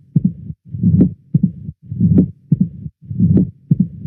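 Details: Mitral stenosis: low-pitched mid-to-late diastolic murmur from blood swirling through a valve that does not open, never systolic (Duroziez rhythm).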